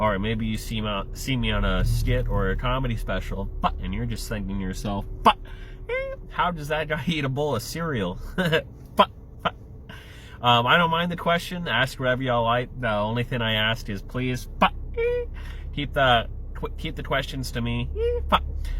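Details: Adult male with Tourette syndrome, tics including an obscene-gesture motor tic and a yelled F-word vocal tic; Tourette syndrome (vocal tics).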